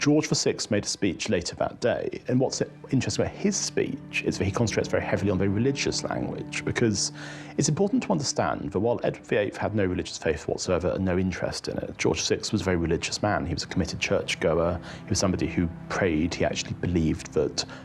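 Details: Adult male speaker; typical speech.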